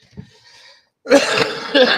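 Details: Rough, harsh cough burst with a second push from an adult man recovering from walking pneumonia, clearing his chest.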